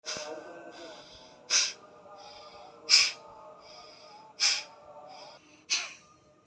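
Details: Four sharp, explosive nasal bursts about every 1.5 seconds over soft background music: repeated sneezing, presented as part of Kapalbhati/Nadi Shuddhi pranayama detoxification practice.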